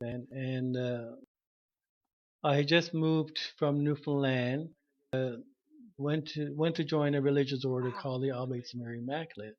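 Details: Adult man who stutters, self-diagnosed, with severe stuttering at about age 21 when he began speech therapy; stuttering.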